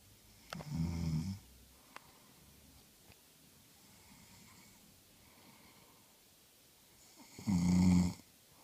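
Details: Two loud, low, rumbling inhaled snores separated by quiet breathing in a small room, from a woman who fell asleep while reading; snoring.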